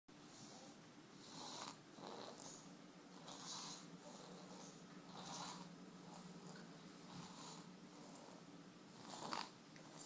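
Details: Child sleeping on grandmother, snoring: soft, irregular rasping snores with snorting breaths, about 15 a minute, in a quiet room.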